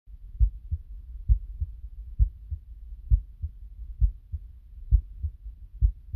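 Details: Normal heartbeat recorded with a phone; headphones needed to hear it.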